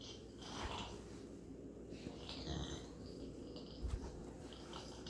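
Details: Cold pet pig sleeping with its tongue out: soft, rough snuffling snores repeating every one to two seconds over quiet room noise.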